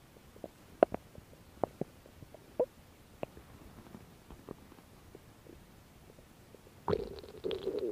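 Scattered squeaky gurgles and pops end in a longer, louder growl. These are normal bowel sounds.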